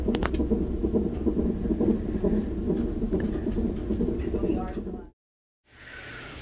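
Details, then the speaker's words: Fetal heartbeat on Doppler in hospital triage; the mother has preeclampsia and a C-section was planned days later. Rapid whooshing pulses at about 136 a minute, then a brief silence. "I don't know if you can hear it over there, but that's baby's heartbeat."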